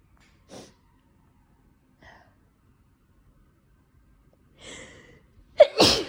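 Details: Winter sneezes from cold air or indoor heating in someone with slight dust allergy; possibly recorded with itchy nose, headache, suspected oncoming cold: a few quick indrawn breaths build to one loud explosive sneeze.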